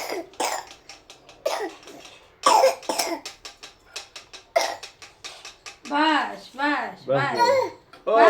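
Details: Baby with a cough: several short, dry cough bursts from an infant, followed by vocal sounds in a small room.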